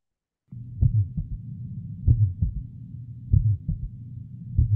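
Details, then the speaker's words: An abnormal heart recording from a heart-disease dataset: slow paired heart sounds, about 48 a minute, with a steady low whooshing murmur filling the gaps between beats. "make out extra sound now this is M which is having a Sur disease sign of a disease I hope all of you can hear the sound"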